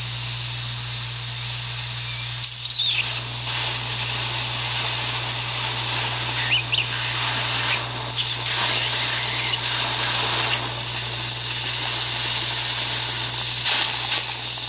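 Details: Continuous loud airy hiss of compressed air over a low steady equipment hum: dental air syringe drying the tooth during a pit-and-fissure sealant procedure, keeping it dry around acid etching.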